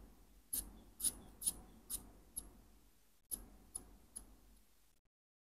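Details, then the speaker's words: Manual blood pressure exam, palpatory method: cuff on the arm, radial pulse felt, then the hand bulb squeezed repeatedly with hissing air pulses to inflate the cuff until the pulse disappears; the subject's reading was 110/70 mmHg. "first we will feel the pulse after that we will inflate the cuff till there's no"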